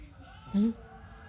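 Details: 6-month-old infant: a single brief, abrupt voiced catch in a quiet room; hiccup.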